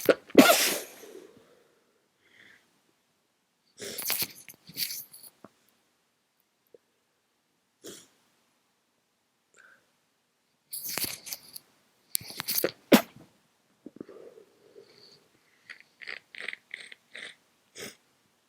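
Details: Several very congested, tired sneezes in clusters with stuffy, snuffly breathing between them, from someone who says they are sick again.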